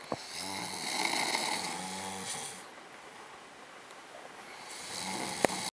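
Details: Person asleep in a hotel room after a long day at Disneyland, snoring: rough, buzzing inspiratory snore, quiet exhalation, then the start of the next snore.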